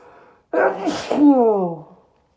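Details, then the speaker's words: Man in chhinkni-induced sneezing fits, nose burning badly: a quiet in-breath, then one forceful explosive sneeze with a voiced trailing exhale, helped out by talking; induced sneeze. "Oh, it burns so bad. Wow. Talking actually helped that sneeze come out right there."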